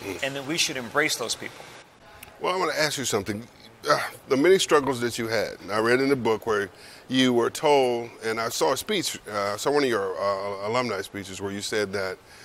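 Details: Adult speakers in an interview; ordinary speech.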